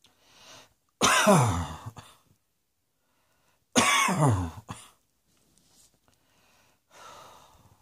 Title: Cross Dressing Coughing 61